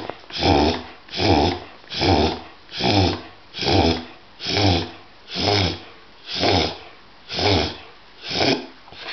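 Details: A distressed dog has a reverse sneezing episode, making a rapid series of loud, harsh snorting inhalations.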